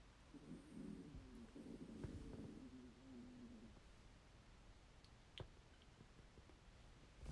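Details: Snoring.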